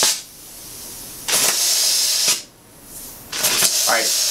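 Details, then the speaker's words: Centrally plumbed high-volume dental suction, used during aerosol-producing procedures to draw off saliva, water and aerosol droplets, described as very strong; loud rushing hiss starting and stopping in bursts. "when we do a procedure we use this this will suction saliva water gentle material and aerosol droplets this will reduce the likelihood of any aerosols coming out of patients oral cavity this is incredibly strong"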